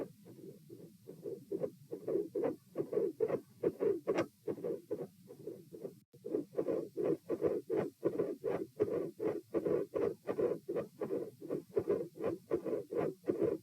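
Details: Normal heart sounds heard through a stethoscope, supine (lying flat) at position P: regular paired heart thumps at about 80 beats a minute.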